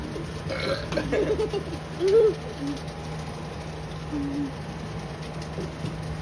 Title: The Burping Contest